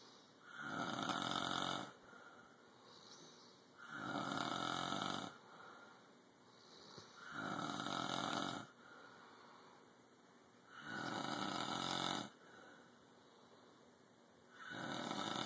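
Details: Loud, regular, harsh rasping snores, about twenty a minute, with quieter breaths between, with a TV baseball broadcast in the background; loud snoring.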